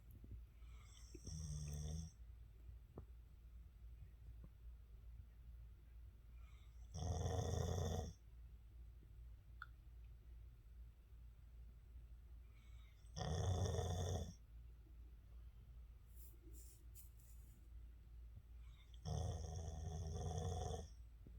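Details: Loud, low, rattling snores with each breath, about 10 a minute, separated by quiet pauses; snoring.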